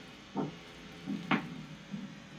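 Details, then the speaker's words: Short puffs and hisses of air as an ankle blood pressure cuff is slowly inflated during a lower-extremity arterial Doppler exam (PVR with ankle-brachial index), after locating a strong Doppler signal. "now I'm going to inflate so I can get the pressure slowly inflating the cuff"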